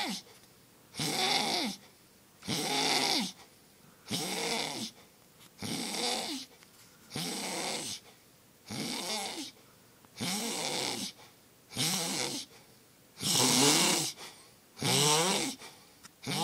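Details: Male (brother) sleeping and snoring: loud, rough, rattling snores on each breath, about 20 breaths a minute, steady and rhythmic.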